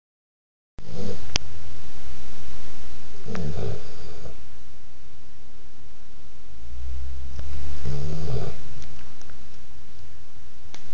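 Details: A few low snoring breaths under heavy close-microphone rumble; snoring.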